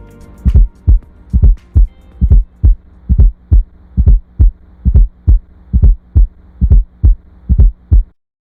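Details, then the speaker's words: Simulated heart sounds at about 68 beats per minute with an added fourth heart sound (S4, atrial gallop): an extra low thud in late diastole just before S1, giving a "Tennessee" rhythm. "The S4 heart sound occurs just before S1 in late diastole. The word Tennessee is often used to help describe the rhythm produced by the added fourth heart sound."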